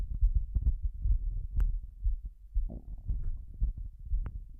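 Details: Pounding heartbeat during a breath-hold, with heavy breathing: deep, muffled, somewhat uneven low thumps at about 120 beats a minute, with heavy breathing noise.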